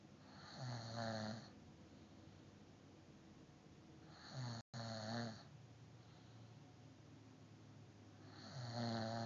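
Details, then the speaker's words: Woman who doesn't believe she snores, recorded asleep: three loud, low, rattling snores on breathing in, spaced by quiet breathing, about 15 a minute; ordinary snoring. "doesn't believe that she snores. Let's check this out."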